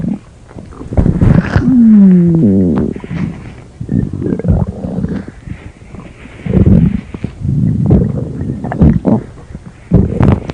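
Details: Loud, irregular rumbling and gurgling with a drawn-out falling groan; stomach growling (borborygmi).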